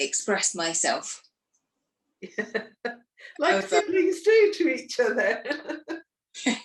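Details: Adult woman speaking, interviewer; normal speech.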